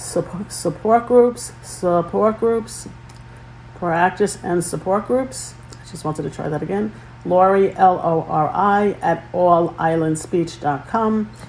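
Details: Adult female speech-language pathologist who overcame a severe stuttering disorder and still stutters at times, here repeating and restarting a phrase: stuttering.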